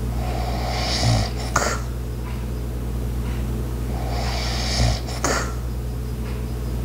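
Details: Light snoring: soft snoring breaths about every three and a half seconds, around 17 a minute, over steady appliance hum from an ice maker, with faint clock clicks and footsteps in the background.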